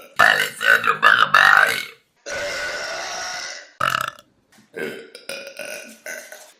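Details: Burping compilation: several loud, rasping burps, one long and drawn out, with short gaps between them.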